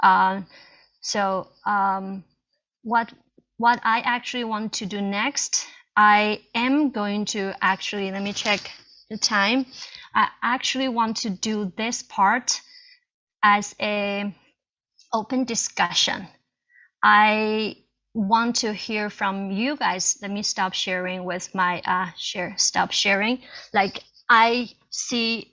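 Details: Real stuttering in an adult Chinese woman, a first-year PhD student.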